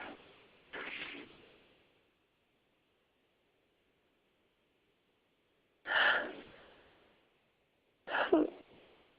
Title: Me Sneezing haha